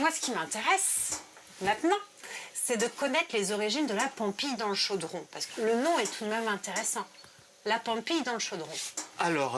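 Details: Adult speaker; typical speech.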